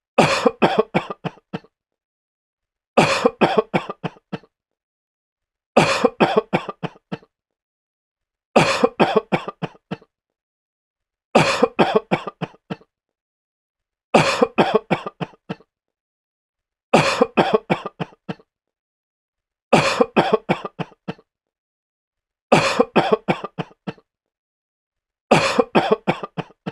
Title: Sick man coughing sound effect